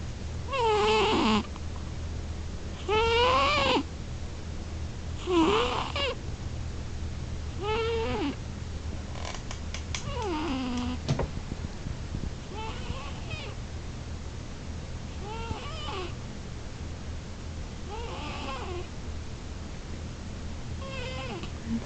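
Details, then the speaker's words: Pet cat snoring while asleep: repeated high, whistling squeaks over a low steady rumble, about 25 a minute. "my kitty cat snoring. Are you snoring? Did I wake you out of your stupor?"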